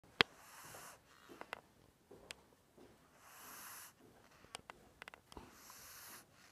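Soft, hissy rasping breaths recur about every three seconds, roughly 20 a minute, with faint clicks between: a sleeping cat's snoring.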